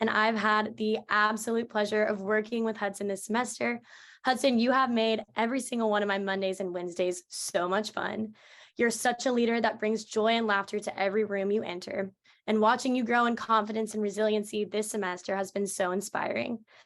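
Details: Adult woman speaking; normal fluent speech.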